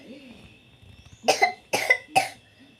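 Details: Young sick child coughing since the previous night: three short, harsh coughs in quick succession against quiet room noise; a persistent cough.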